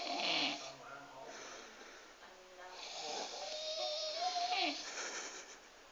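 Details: Man jokingly described as snoring like a pig: loud hissing, rasping breaths with a whistling, squeaky tone on the out-breath; noisy snoring.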